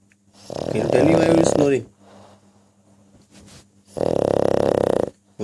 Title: pug snoring